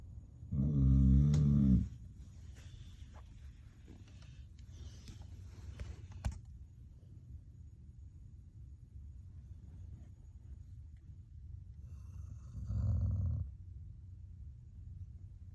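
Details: Two low, rattling snores about ten seconds apart, with quiet breathing between them in a small room; snoring.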